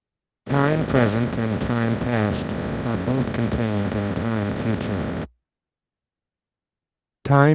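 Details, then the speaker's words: Simulation of a read sentence as heard with auditory neuropathy spectrum disorder, severe to moderate to milder, then clear in quiet: garbled, smeared words hard to make out, then a brief clearer fragment. "Just to give you an idea of uh what individuals with auditory neuropathy spectrum disorder may hear when they're listening to speech."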